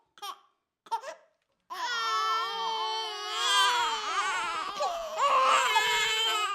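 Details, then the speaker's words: Young baby crying: two brief whimpers, then sustained loud, high-pitched wavering wails; normal infant crying signalling need. "It's important parents know that babies don't cry because they're naughty or because they reject their parents. They're not capable of this. And it's nobody's fault. It's neither the baby's nor the parents' fault that the baby is crying at this time."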